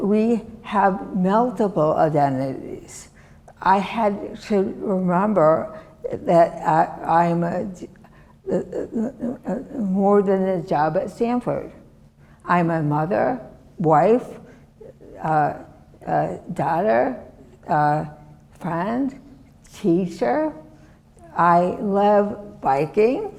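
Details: Adult woman with non-fluent aphasia and right-sided disability since a severe stroke in 2010; non-fluent aphasia.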